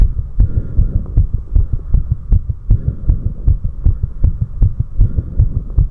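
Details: Heart sounds recorded after 4 minutes of step-up exercise: rapid, strong, regular thumps of a pounding heart at about 155 beats a minute, a fast heartbeat after exercise.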